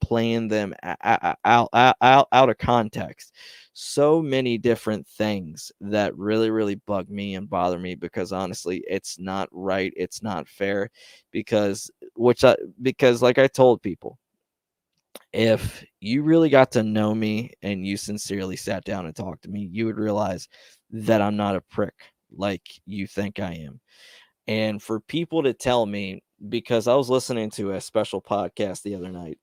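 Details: Stuttering in a man who reports his own stutter, speaking on a live stream; word repetitions are heard.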